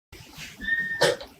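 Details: Faint low sounds and a thin high whine, then one short, sharp cough from a child of about grade 6 age with a 13-week habit cough, during treatment with the Weinberger suppression method.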